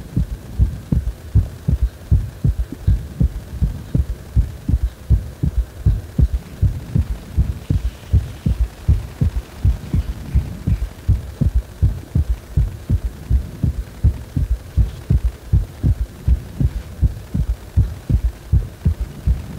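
Steady, regular low heart thumps at about 80 beats a minute with a faint background hum.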